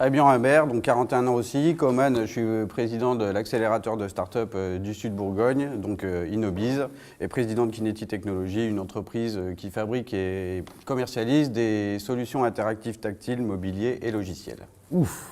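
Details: Adult man speaking French; Normal speech.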